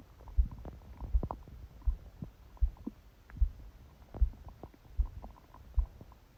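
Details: Male or female unstated; stomach growling recorded during sleep with phone held on the belly under a book: soft low thuds with brief gurgles and squeaks; ordinary bowel sounds (borborygmi), heartbeat noted loud and fast.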